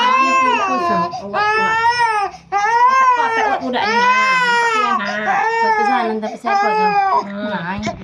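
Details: Infant crying loudly in repeated wailing bursts with brief catches of breath during traditional baby massage (done for sprain, cough, cold and fever), in a small room; infant crying.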